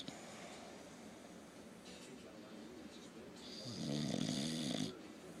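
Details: Soft snuffling breaths, then a louder, rattly snore lasting about a second, from a lazy English Bulldog sleeping with one eye open; snoring.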